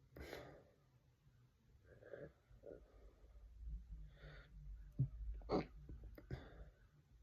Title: Induced hiccups #hiccuping #hiccups #hicka #soluço #singhiozzo #schluckauf